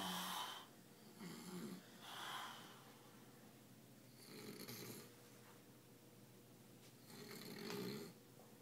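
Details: Adult man asleep in a hotel room: harsh, rattling breaths recurring every few seconds in a quiet room; snoring during sleep.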